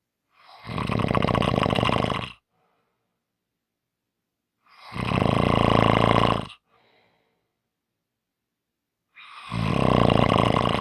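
Three loud, harsh, rattling snores about 4 to 5 seconds apart, roughly 13 a minute, with silence between. Snoring.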